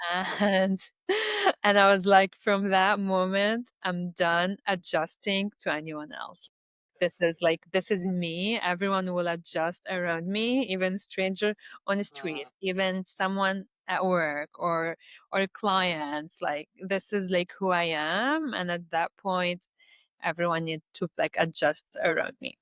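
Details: Adult Lebanese woman who stutters, with blocks and repetitions in her speech; stuttering.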